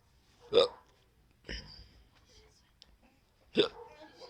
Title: Nko na hiccups😄😀😀😃😅😅🤣♥️